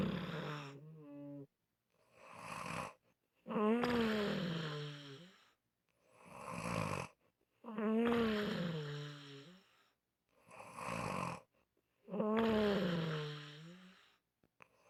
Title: Unusual Snoring Sounds